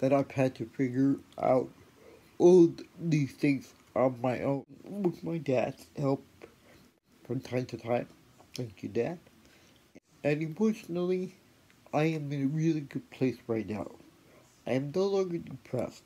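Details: Adult woman with cerebral palsy and a later spinal cord injury (2009); her Amazon Echo sometimes fails to understand her speech; dysarthria.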